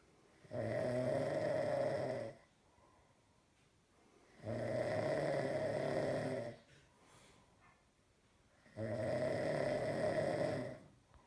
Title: snores